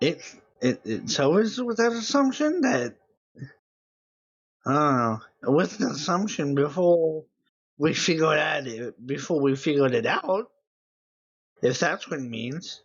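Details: Dysarthria due to cerebral palsy in an adult man who says he always sounds like this.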